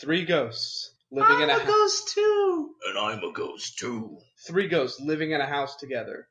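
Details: Adult speaker; ordinary speech.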